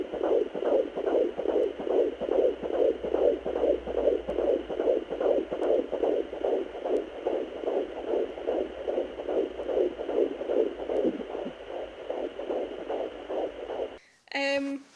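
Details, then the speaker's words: At 14 weeks of pregnancy after infertility and miscarriage, home Doppler picks up rapid, regular whooshing pulses at about 146 a minute; mother is pretty sure it is the baby's heartbeat: fetal heartbeat on Doppler. "but I'm pretty sure that is baby's heartbeat I found, and it stressed me out trying to find it,"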